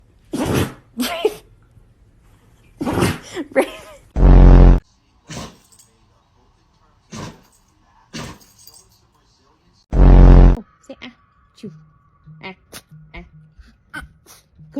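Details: Dog sneezing: run of short, sharp sneezes and snorts with louder vocal bursts between them.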